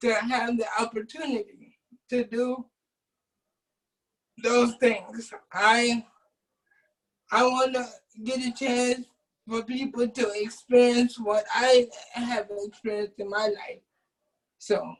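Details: Adult man with cerebral palsy since birth who uses a wheelchair; doctors predicted at birth he would not speak; dysarthric speech in cerebral palsy.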